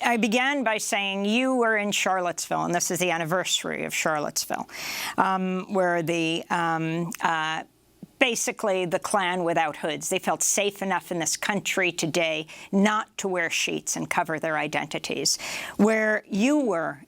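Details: Adult woman speaking; typical speech.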